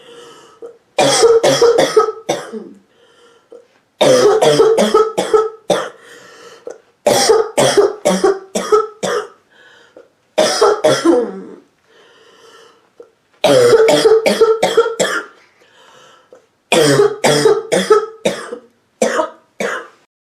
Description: Short clip of a sick woman’s hacking barking cough